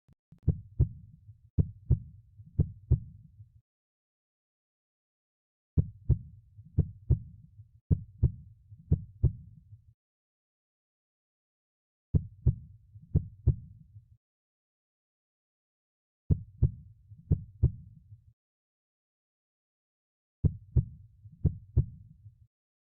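Short bursts of paired, sharp heart sounds at about 60 beats a minute, separated by silent gaps.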